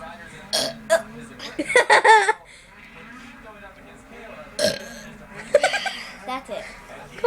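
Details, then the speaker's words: Brother burping deliberately: several loud, voiced belches with a low gurgling tone between quieter noises, with talk and laughter in the background. "burping. Come on, do a good one."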